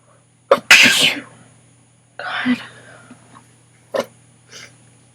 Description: I had an sneezing attack and was able to get some on video. My nose and throat hurt so bad.